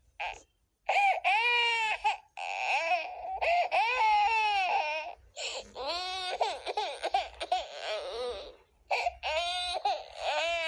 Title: Baby Heart Girl Crying Sound Effect (FREE TO USE)